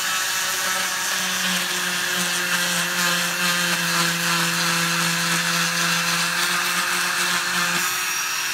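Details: Steady high buzzing whine of an oscillating cast saw cutting off a male patient's cast, which had a lot of cushioning; the pitch shifts slightly as it works. He says it tickles.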